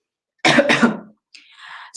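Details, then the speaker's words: Single harsh cough in two quick bursts, then faint breathy noise, from a speaker with a bad cold and cough during a live talk: cough. "I have a terrible terrible terrible cold and a cough so I hope to god that you don't hear it at all"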